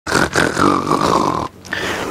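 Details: A long, harsh snore with a whistling tone, then a brief pause and the start of another: snoring.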